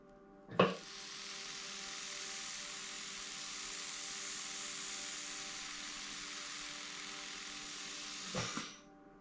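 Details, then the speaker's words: Steady buzzing whir for about eight seconds, starting and stopping with clicks: M4 Safety reciprocating endodontic handpiece at 5000 rpm driving a size 10 manual file to about 21 mm in an extracted tooth canal. "Alors là je suis toujours à 5000 tours, je trouve que c'est confortable."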